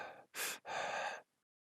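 A sharp, breathy inward gasp followed by a longer rushing breath, then silence.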